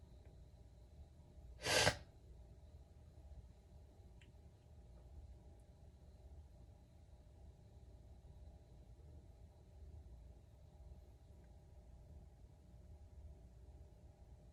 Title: How to sneeze (part 6)